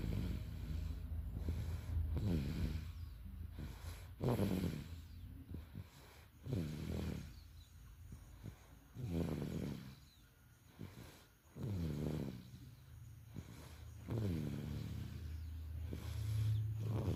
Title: listen ! baby snoring